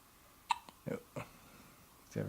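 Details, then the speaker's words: Several brief, abrupt hiccups at irregular spacing from a 7-day-old baby boy in a quiet room, keeping him awake; he seems hungry. "his hiccups, they're keeping him awake."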